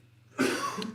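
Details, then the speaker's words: A single harsh, noisy cough burst from an adult man at a distance in a quiet room, part of his coughing fit in the background: coughing fit. "sorry about my husband having my husband's having a coughing fit in the background I don't know if you can hear him"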